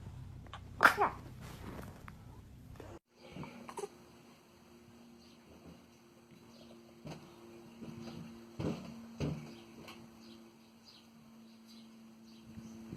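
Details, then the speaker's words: Baby sneezing: a single sharp infant sneeze, answered with "bless you", then quiet room noise with a steady hum and soft clicks. "Ay, ay, ay, esos estornudos. God bless you. Bless you."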